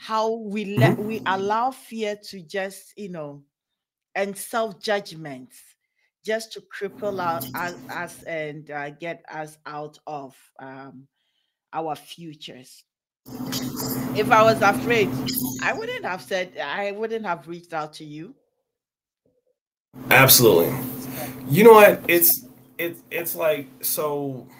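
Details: Stuttering in an adult man with onset at age five or six, persisting and audible over extended conversation; this stretch has word and phrase repetitions; real speaker; finding: stuttering.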